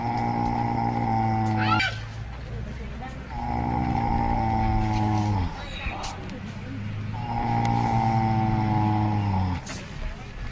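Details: Snoring from an animal, among various animals snoring.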